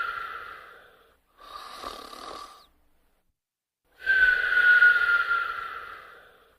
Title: Sparky Snoring & Whistling in 43 seconds